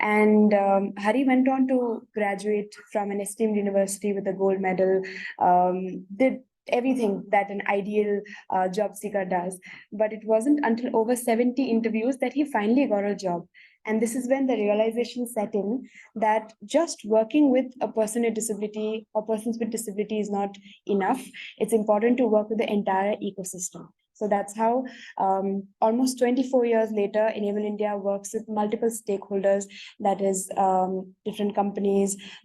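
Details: Adult woman speaking; typical speech.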